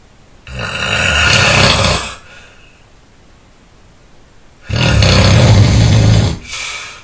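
Two very loud, harsh, rumbling snores on breathing in with quiet breathing out between them; heavy snoring.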